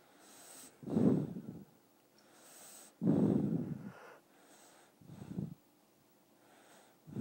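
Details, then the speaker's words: Five-month-old baby boy sleeping on his father, soft rough snorting breaths about 28 a minute; noisy nasal snoring. "He's snoring. Let's see if I can get it."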